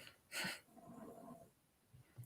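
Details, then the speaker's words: A Yorkshire terrier sleeping on the floor gives a sharp snort, then a soft rattling snore, in a quiet room: snoring. "if you can hear snoring that's my one of my yerkies sleeping on the floor"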